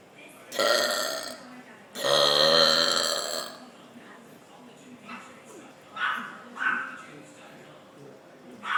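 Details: Burping after milk: two long, loud, rumbling belches, then quieter voices and room noise.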